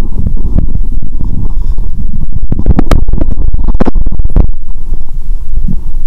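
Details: Self-recorded through her first stethoscope on the abdomen after fasting over 15 hours, while preparing a Coke and Mentos challenge; bowel sounds.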